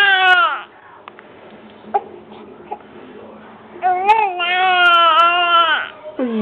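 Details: Baby crying while being coaxed to cry on camera: sustained wailing with a catch of breath and quiet whimpers between; ordinary infant cry.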